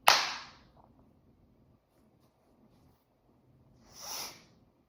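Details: Deliberately induced repeated sneezing: a sharp, loud explosive sneeze, then a softer second sneeze-like exhale about four seconds later.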